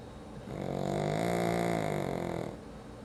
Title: Do pugs snore? Nah.....